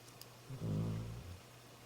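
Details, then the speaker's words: Dog snoring in the background while deeply asleep, not waking despite being nudged a couple of times. "I apologize if you can hear my dog snoring here in the background. I've nudged him a couple of times and he's down for the count, I think."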